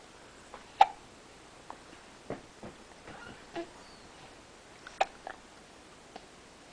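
Several brief, sharp, irregularly spaced gulping clicks in a quiet room, fitting hiccups.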